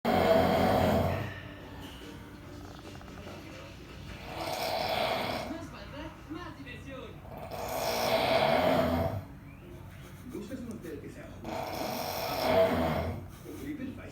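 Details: Deep, rumbling snores about 16 a minute, each long and coarse, with faint background sound; heavy snoring.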